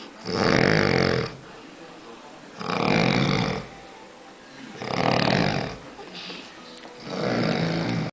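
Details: Snoring: deep, rough, rattling snores about every two seconds, each lasting about a second, with quieter breathing between.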